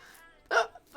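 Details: Streamer, a 20-year-old, in a quiet room: a single short, sharp voiced catch, an abrupt gulping hiccup; hiccup.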